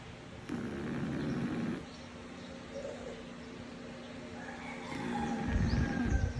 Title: The Snoring Rocket the Frenchie from Burlington University🐶♥️